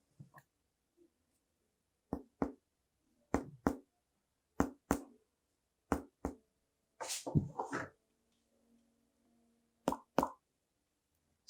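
Paired short, flat taps of chest percussion with little resonance: a dull percussion note over the lung, here from pleural effusion.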